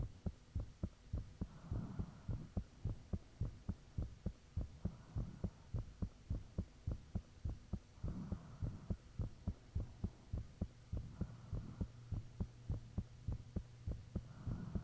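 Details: Own heartbeat self-recorded with the fan off, shortly after the heart began feeling very thumpy; valve and blood-rushing sounds noted. Strong regular low thumps at about 100 a minute, occasional faint whooshing breaths, steady high tone behind.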